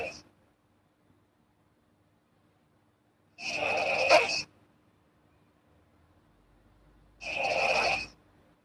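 Two rough, airy snore-like breaths about four seconds apart against near silence.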